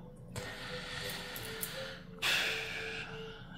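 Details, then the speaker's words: Large black dog snoring while asleep beside its owner: a long, rough snorting inhalation and a breathy exhale, with a faint hum in the room; ordinary snoring. "sais pas si vous entendez, mais Pézi elle ronfle à côté de moi. Pézi, c'est mon gros chien noir."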